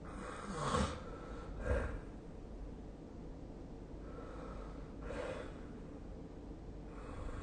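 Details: Snoring during sleep, recorded with the SnoreLab snoring app on 2024-12-21.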